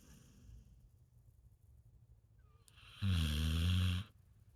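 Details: Dog snoring while awake: a single low, rumbling snore-like breath lasting about a second after a quiet stretch; snoring.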